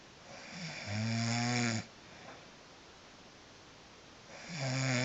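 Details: Person snoring loudly: buzzing vibration on inhaled breaths, about two breaths in five seconds, with quiet pauses between; snoring.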